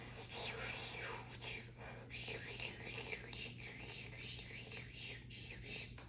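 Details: Tracheostomy suctioning on a simulated patient (manikin) during a nursing demonstration: catheter advanced to resistance, pulled back 2 cm, then suction applied, giving steady hissing suction with wavering airy tones as the catheter is withdrawn.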